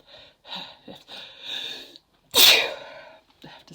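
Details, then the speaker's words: Adult woman in a sneezing fit after taking chhinkni (sneezing powder): breathy inhalations building up, then one forceful explosive sneeze that trails off, followed by quiet breathing. "have to sneeze. Oh my god. Wow. Those are super strong. Super strong. Well, it's definitely working."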